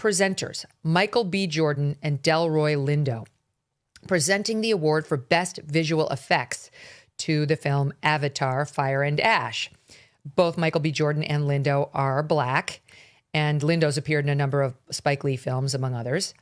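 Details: Adult male speaker; normal speech.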